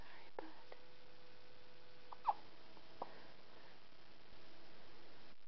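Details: Someone with hiccups at midnight at bedtime: a few brief, squeaky hiccups, about three in five seconds, in a quiet room with a faint hum.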